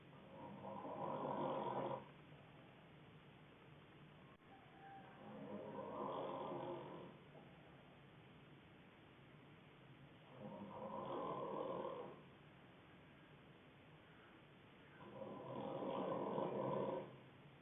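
Four soft, muffled snores about 5 seconds apart, roughly 12 breaths a minute, over low room hiss. Snoring.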